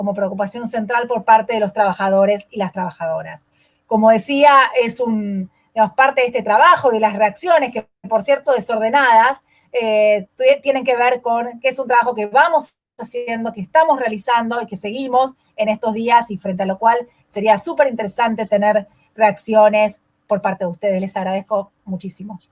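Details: Adult woman speaking; no voice disorder.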